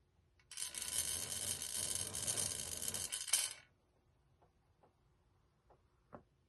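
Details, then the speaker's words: Demonstration of incentive spirometer use: mouthpiece in mouth, a long, slow, deep breath of about three seconds of steady hissing airflow, then release and soft clicks as the blue dial falls back; demonstrator admits not giving full effort. "just watch me take a long, slow, deep breath. And then when I can't take a deep breath anymore, I'm just going to let it out, and you're going to watch the blue dial fall back down to the beginning."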